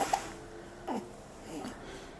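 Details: Asher, 8-day-old baby, hiccups, a few short abrupt voiced catches; he likes to feed fast and furious, so hiccups are common for him.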